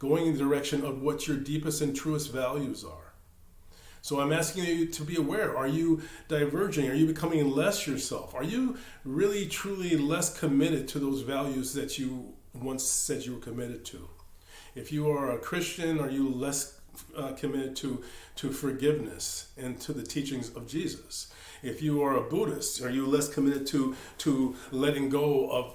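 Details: Stuttering in a male meditation teacher who says he stammers; word and part-word repetitions are heard.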